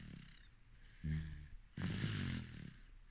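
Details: Sleeping baby snoring: two short, low, fluttering snores on breathing in; soft infant snoring.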